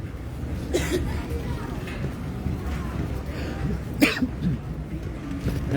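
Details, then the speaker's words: Two short coughs about three seconds apart, outdoors on a city street in Jerusalem, over street noise and distant talk. "Nagsasagutan kami dito ng ubo ah. Fairness ah."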